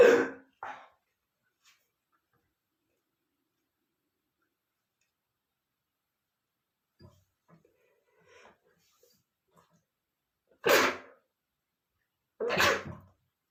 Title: male sneezing #29 (Very Sneezing Attack, from me, smelled dusty under the bed !)